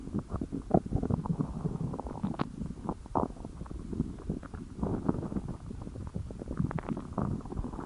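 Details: Stomach growling from hunger: continuous low gurgling and rumbling with bubbling pops, ordinary bowel sounds (borborygmi).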